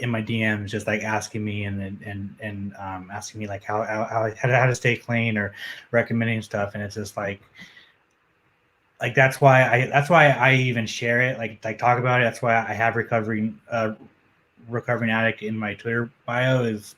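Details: Adult male who says he has a stutter that becomes audible when he is nervous; real, self-reported stuttering.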